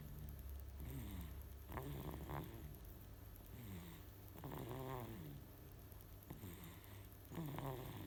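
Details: A baby snores lightly, with soft, repeated snuffly breaths every one to two seconds over a steady room hum.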